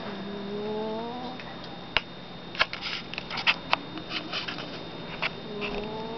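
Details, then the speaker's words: A chubby male cat snoring while asleep: two drawn-out, whistly snoring breaths a few seconds apart, with soft clicks between: snoring. "You were snoring. Hi, snore baby."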